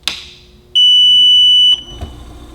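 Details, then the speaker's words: Single loud, high-pitched beep lasting about a second as a medical oxygen concentrator (used for COPD) switches on, returning to its last prescribed flow of 5 L; normal start-up signal followed by quiet machine hum. "now essentially when you turn this machine on you're going to hear a beep and like I say it's going to go to its last prescribed flow"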